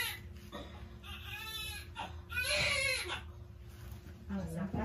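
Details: Bursts of a newborn's strong, high-pitched crying with quiet adult voices and room noise just after a painful delivery of a fourth baby weighing 2.6 kg; a vigorous, normal newborn cry.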